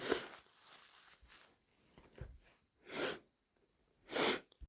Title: Inducing with my cold (snotty sneezes and blows)